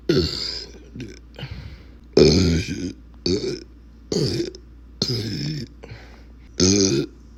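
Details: Voluntary big burps: a run of about seven loud, drawn-out belches in a quiet room; ordinary burping.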